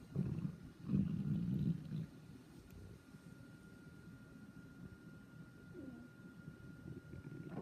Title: Listen can you hear is your stomach growling